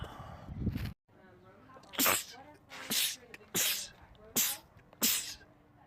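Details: Male sneezer, part of a compilation of rapid sneezing attacks: a quick run of about four to five sharp, explosive sneezes in close succession, with a soft intake of breath before each.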